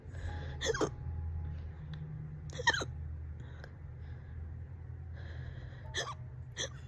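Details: Sharp, abrupt gulping hiccups, about four in seven seconds, over steady low room hum. The person has had the hiccups for about 30 minutes, on and off all day.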